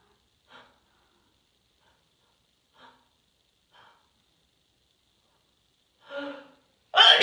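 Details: Itchy nose: several faint breathy catches and false starts, then a stronger inward hitch building to one loud, ordinary sneeze.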